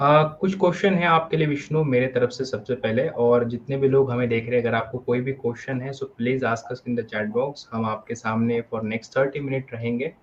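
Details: Adult male speaker; no disorder.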